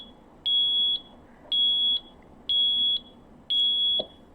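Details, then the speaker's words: ZOLL mechanical ventilator alarm during a training demonstration, triggered when delivered tidal volume (530) exceeds the set limit: loud high-pitched beeps repeating about once a second. "y como les comentaba si yo modificó ésta y le pongo 500 seleccionar en este momento se va a encender la alarma a sobrepasar 510"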